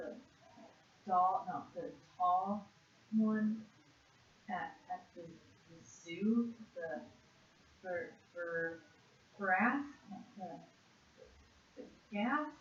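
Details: 56-year-old woman with severe conduction aphasia after a single left-hemisphere stroke in June 2012, with jumbled speech that worsens with stress, naming animals in a one-minute word fluency task; conduction aphasia.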